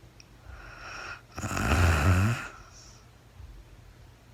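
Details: Adult woman recorded in real time during overnight sleep after being very tired: a single loud, rough, rattling snore lasting about a second, with quiet room noise before and after; snoring.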